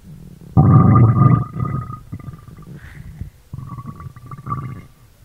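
Loud gurgling, rumbling bursts from the abdomen, ordinary stomach growling from gas and fluid moving through the gut.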